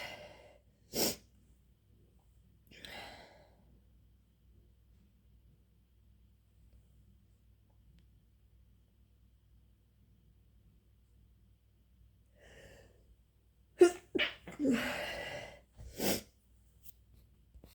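Several short explosive bursts with a sharp sneeze near the end, preceded by quieter inhalations; induced sneezing.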